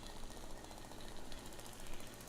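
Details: Deuk laser disc repair for a right L5-S1 disc herniation in a woman with severe right-leg sciatica who uses a wheelchair: steady low rumbling with fast rhythmic pulsing from a powered arthroscopic spinal instrument.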